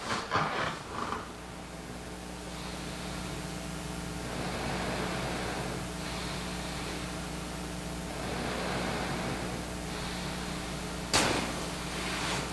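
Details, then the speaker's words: CPAP airflow from a ResMed AirFit N30i nasal mask at 20 cm water pressure: steady soft rushing air with low hum and gentle swells, much quieter with head lifted off the pillow; no obvious leak. "Okay, this is on 20 centimeters of water pressure. Now when I bury my face in the pillow, that sound you're hearing is it ricocheting off of the pillow itself. But if I lift my head up, it's much quieter."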